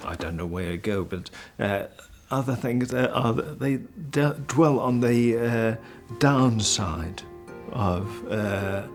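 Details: Man living with aphasia, a member of an aphasia conversation group: aphasia.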